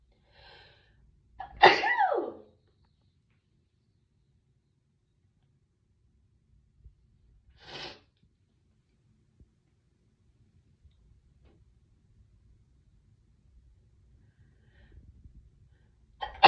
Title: How to sneeze nonstop! (Part 24)